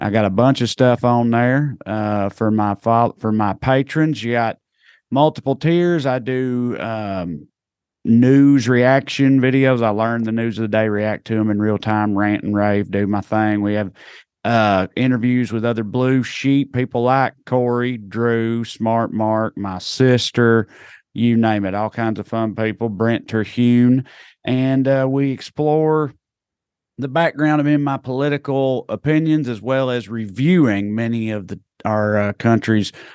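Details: Adult male speaker; normal speech.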